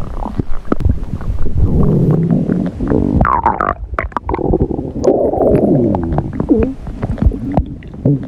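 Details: Woman recording her own stomach growls (borborygmi): continuous low gurgling and rumbling with bubbly pops and rising squeaks.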